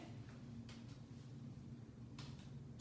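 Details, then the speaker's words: During a head-to-toe nursing assessment, soft hollow taps are percussed over five spots on the front of the chest, judged good and hollow with no concern: normal resonant chest percussion. "percussion sounded good and hollow i don't know anything for concern at all"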